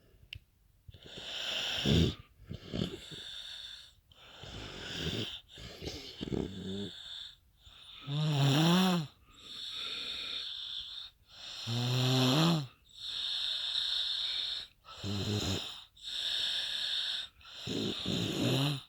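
Loud, rough snores with a groaning, whistling tone on each breath, about 17 breaths a minute; heavy snoring.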